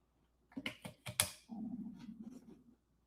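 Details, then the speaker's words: Adult speaking during a livestream: a few gurgling pops, then a low, wavering rumble lasting about a second; stomach growling (borborygmi). "Did y'all hear that? That was my stomach growling."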